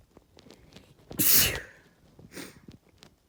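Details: A single loud, explosive sneeze from an adult, with a short sniff or nose sound after: sneeze.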